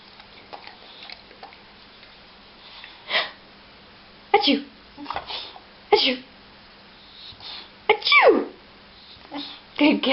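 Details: Short, sharp nasal sneezes from Cherry, a female dog trained by clicker to sneeze on command, interleaved with a person's voiced 'achoo' cues.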